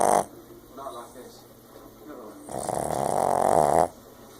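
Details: Sleeping Boston terrier snoring like a human: a short rattling burst, a quiet pause, then a long, loud, rough inward snore.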